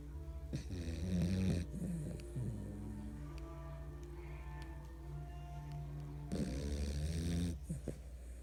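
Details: A Chiweenie dog fell asleep and snores loudly: low, rumbling breaths in two long bursts over background music.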